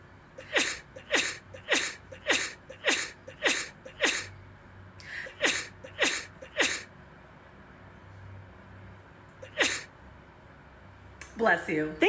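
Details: Sneezing fit: a rapid run of about a dozen short, sharp sneezes, mostly in a quick regular series with a few pauses.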